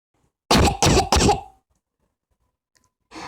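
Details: Three quick, loud deliberate coughs from an adult (mother) in a quiet room, no sign of illness; voluntary cough made to see the baby's response.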